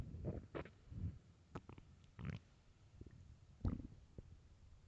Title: Very hungry stomach growls and groans